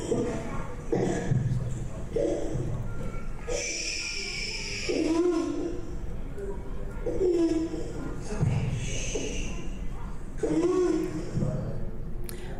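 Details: Child seen for hoarseness in a reflux context: noisy, labored breathing with harsh high-pitched crowing on both inspiration and expiration, parents' voices and room noise; biphasic stridor.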